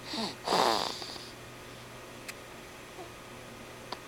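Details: Female snoring, something she inherited from her mum: a single short, rough, snorting breath in a quiet room, then near silence; snoring.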